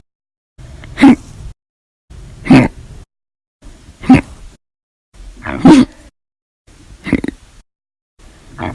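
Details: Audio-only recording of repeated hiccups (described as violent, loud, silent), six abrupt voiced gulping hiccups about every 1.5 seconds, each with a short breathy lead-in.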